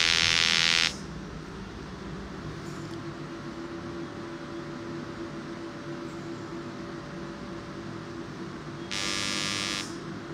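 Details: Repetitive peripheral magnetic stimulation (rPMS) machine in dynamic mode, applied along the nerve course in a diabetic neuropathy patient at a physiotherapy clinic to reduce neuropathic pain: two loud bursts of rapid buzzing firing pulse trains, separated by a steady room hum.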